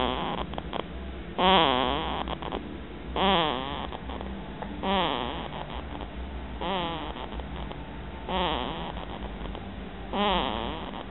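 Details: Sleeping cat snoring, with regular whistling, wavering snores on each breath at about 34 a minute; harmless snoring.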